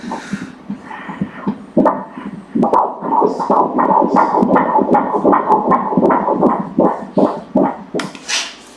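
Rapid, regular whooshing Doppler pulses at about 157 a minute: a normal fetal heartbeat at 13 weeks.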